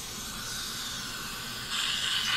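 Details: GoldenDent M7 HVE dental suction mirror running, shown for aerosol reduction: steady, high-pitched airy hiss of high-volume suction drawing air continuously, growing slightly louder near the end.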